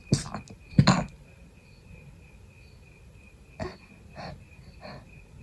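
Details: Person still sick, fever gone, with a persistent tickle: two sharp, suppressed sneeze bursts, then softer sniffs, with insect chirping in the background; stifled sneezing.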